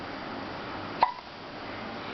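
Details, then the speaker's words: Baby girl with hiccups: a single short, sharp hiccup against quiet room noise. "Someone's got the hiccups."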